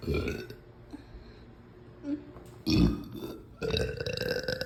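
Several deep, loud burps separated by quiet pauses; ordinary belching after a meal.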